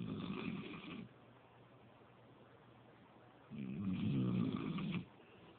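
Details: Person asleep on a couch, snoring: two long, rattling snores on the breath in, separated by a quiet pause of about two seconds.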